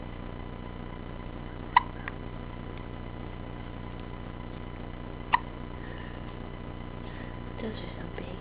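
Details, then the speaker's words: Infant with hiccups: two sharp, brief hiccup clicks about 3.5 seconds apart over room hum. Mother says these are the hiccups she felt before, sometimes twice a day. "some big hiccups. Those are some big hiccups. Yeah. Yeah, they are."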